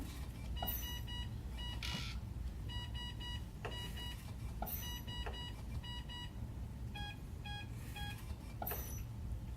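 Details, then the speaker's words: Repeating electronic beep patterns over steady machine noise: a Galileo ventilator alarming after its mode and settings were changed, in a respiratory therapy lecture. "And typically you'll see what happens, you change your mode in your settings, you have to change your alarms, which you'll learn about. That's why it's alarming right now."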